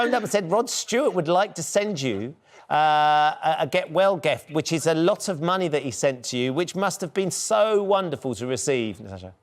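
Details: Adult presenter speaking in a broadcast interview; normal adult speech.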